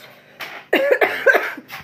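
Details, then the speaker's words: A child coughs about four times in a short, close run of hacking coughs in a small room. The family says they are still not over a cough. "Vous entendez qu'on est encore un petit peu dans la toux pour l'instant."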